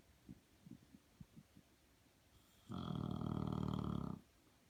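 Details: Sleeping English bulldog, filmed unaware: soft snuffling breaths, then one long, loud, buzzing snore; snoring.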